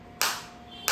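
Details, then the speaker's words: Focused (not radial) shockwave therapy device demonstrated on the operator's own body, intensity being raised gradually toward 8, frequency 90 pulses/min, 1000 shots set: loud sharp snapping pulses about two-thirds of a second apart; felt deep inside. "मेरे को अंदर feel हो रही है और eight पे मेरे को काफी अच्छी फील हो रही है। और आप ये साउंड भी सुन सकते हैं फोकस शॉप की इस तरीके से।"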